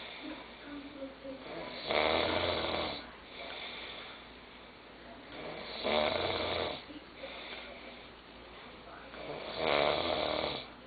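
Three loud, rough snores at about 16 breaths a minute, quiet breathing between them: ordinary snoring.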